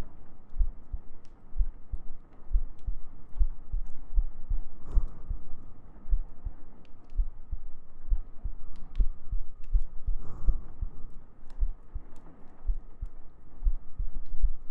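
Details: ASMR sleep-aid recording of steady, regular low heartbeat thumps at roughly 80 per minute, with a constant soft hum behind them; heartbeat.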